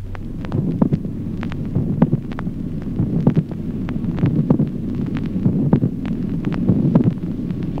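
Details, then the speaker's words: Teaching recording, late systolic click: regular heart sounds with a notable resonant extra sound shortly before the dull second heart sound. "ejemplo octavo clic telesistólico el segundo ruido sordo es precedido a poca distancia por un notable ruido adicional resonante"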